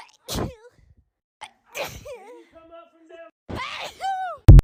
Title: natural sneezing comp